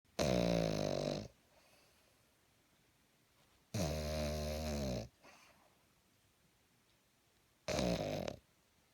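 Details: Three loud, rattling snores on the inward breath, separated by quiet pauses, from a sleeping pug, a short-nosed dog described as snoring louder than its owner: heavy snoring.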